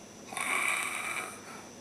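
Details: Overnight snoring from a friend, likened to a bear or banshee, that kept a guest awake: one long, harsh, hissing breath with a rattling edge in a quiet, pitch-black room; snoring.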